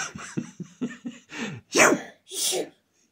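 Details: A run of short catching breaths builds into two forceful, explosive sneezes.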